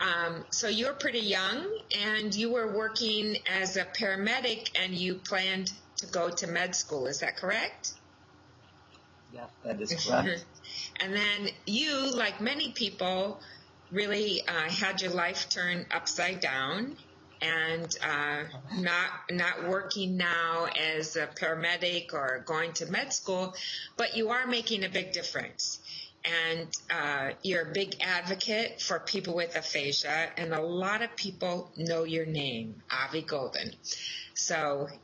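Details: Adult speaker, interviewer; normal conversational speech.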